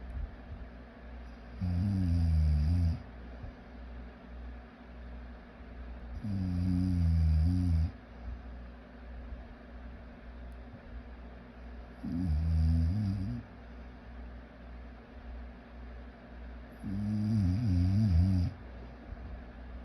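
Low rattling snores on each breath in, about 12 a minute and evenly spaced, with a steady hum behind them; ordinary snoring.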